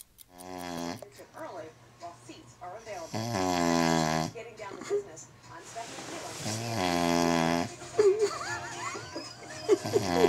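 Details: Person passed out, snoring like a lion: loud, buzzing, tonal snores about every four seconds with background noise; heavy snoring.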